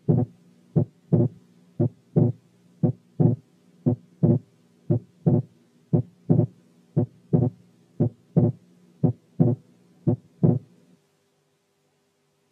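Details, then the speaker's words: Complete right bundle branch block: regular rhythm near 57/min with wide splitting of the second heart sound that increases with inspiration; quiz example in a cardiac auscultation course. "الحالة الثانية كانت complete right bundle branch block with wide splitting of the second sound that increases with inspiration."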